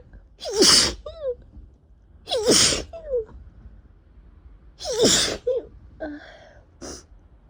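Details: Person recovering for days from a cold after travel, with very runny, irritated nose: four forceful sneezes in quick succession, each with sharp intake and wet explosive burst, in a prolonged messy sneezing attack.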